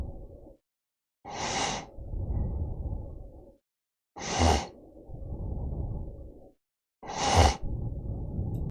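Three loud, harsh snoring breaths about 20 a minute, each a gusty intake followed by a long rattling outbreath.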